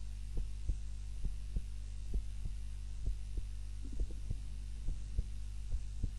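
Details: Own heart sounds recorded on a timer while napping, lying on the back (supine) rather than the usual face-down position: soft regular heartbeats, about 60 a minute, under a steady low hum; normal heart sounds.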